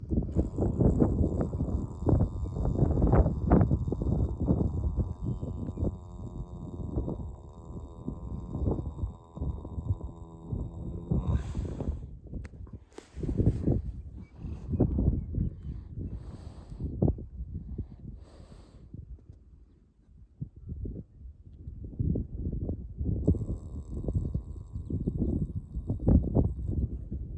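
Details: A resting horse, tired after a long competitive trail ride the day before, snoring: low, rough fluttering rumbles in irregular bursts.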